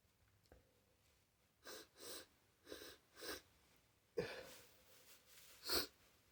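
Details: Sneeze build-up: a tickle in the nose, quiet repeated breathy sniffs and hitching inhalations, then a sharp sneeze burst near the end.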